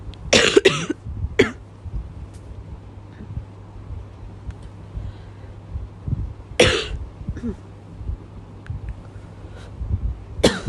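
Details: Woman's persistent night-time cough: repeated short coughs, some doubled, over steady room hum. Her partner says she cannot stop coughing at night.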